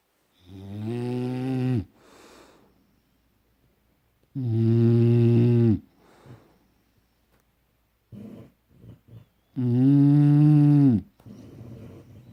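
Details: Loud, long buzzing snores on each breath, about three in 12 seconds with quiet gaps between; snoring.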